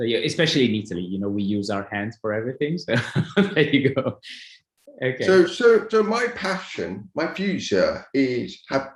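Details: Adult speaker; typical speech.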